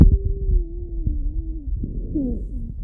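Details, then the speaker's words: Lung auscultation teaching quiz: a continuous, high, musical whistle through the breath, a wheeze (sibilo) from narrowed airways. "Isso aí é um sibilo."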